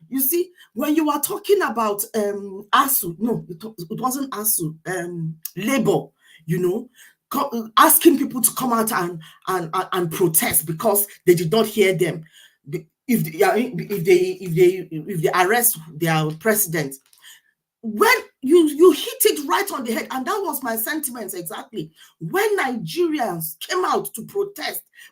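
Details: Stuttering (stammering) in a man who says he stammers and asks for extra speaking time because of it.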